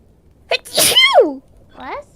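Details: A single sharp sneeze from a streamer during a livestream: a quick in-breath, then a burst of air ending in a falling voiced tail, followed by "bless you".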